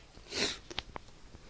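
A single short, sharp, hissing burst followed by faint snuffles: one sneeze.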